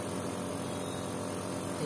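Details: Steady motor buzz of a faulty nebulizer compressor under repair, running without a break; the motor works, yet no air comes out.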